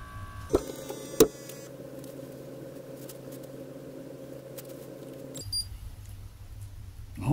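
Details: Cheap Comtech ABP 1019 automatic blood pressure monitor, cuff on an adult's arm, on an improvised power source, first reading high at 158: two clicks, then steady buzzing pump hum about four seconds stopping abruptly; cuff inflating.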